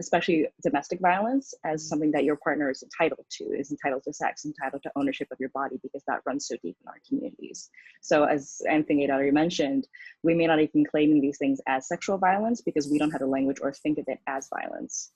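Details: Adult speaker; typical speech.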